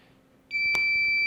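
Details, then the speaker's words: A sudden steady high-pitched alarm from an LVAD controller as the driveline is pulled out and moved to the backup controller during a controller-exchange demonstration; alarms sound on both controllers until silenced. "it straight into the next controller you're going to get alarms on both controllers just hit the alarm silence button"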